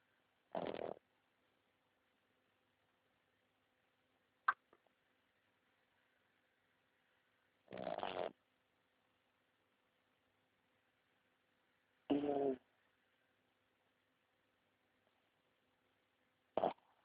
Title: Snoring Pug.mp4